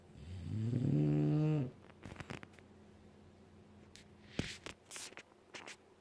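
One loud, buzzing snore followed by soft rustling and small room noises; ordinary snoring during a nap.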